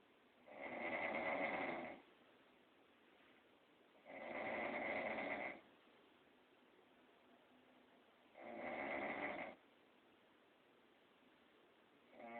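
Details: Woman snoring during sleep, dog unable to sleep: steady, rhythmic rattling snores, each over a second long, about five a minute, with quiet breathing between.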